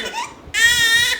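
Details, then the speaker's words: Baby girl playing with her father: after a short stretch of quieter fussing, a brief, high-pitched wail rises; ordinary infant crying. "అదిగా పాప కూడా ఏడుస్తా అది చూడు నేను చూసి అదిగా పాప ఏడుస్తా అదే ఆ పాప చూడు ఆ పాప చూడు ఏం చేస్తుంది చూడు ఏడుస్తుంది చూడు"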